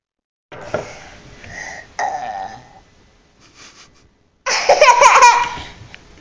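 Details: Several voiced belches with gaps between them, the last long and loud, produced on request; burping.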